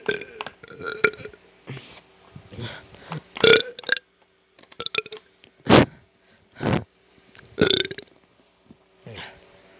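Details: About a dozen short belches over ten seconds, uneven in timing and loudness; ordinary burping.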